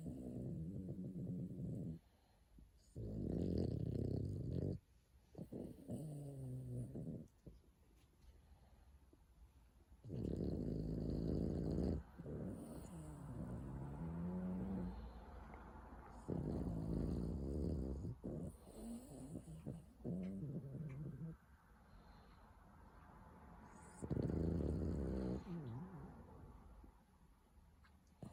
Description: Bolt the Boston terrier having a good snore